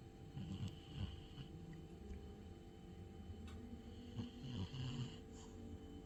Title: Sleeping cat snores loudly 😴